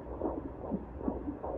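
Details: Fast, whooshing rhythmic pulses over a muffled hum: fetal heartbeat by Doppler at about 150 beats a minute, at 16 weeks of pregnancy during a midwife appointment.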